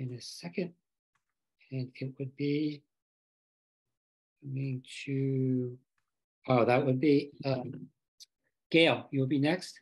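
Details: Aphasia in a member of a group of people living with aphasia, speaking at a virtual aphasia conference.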